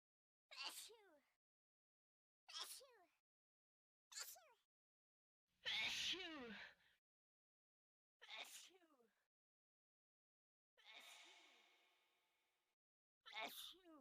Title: In 54seconds ,you can hear 25 types of sneeze